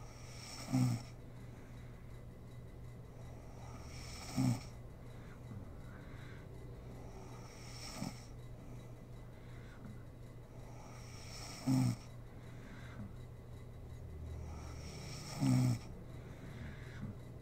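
Short, rough snores every three to four seconds, about 16 breaths a minute, with quiet breathing between: steady snoring in sleep.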